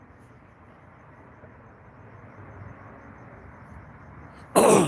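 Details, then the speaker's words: Adult clearing their throat, not coughing, a long-standing habit they report having had for years and say is not COVID: throat clearing. "it's not a cop I'm just clearing out to throw item I'm not coughing just clearing out the throat so yeah Oh like right now I mean I always had a problem with that you know"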